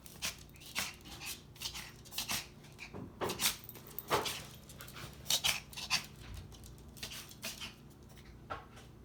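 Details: A 5-month-old female dog, recorded for the vet, has a coughing spell: runs of short, dry, hacking coughs in bursts and clusters in a small room. The owner suspects a collapsed trachea.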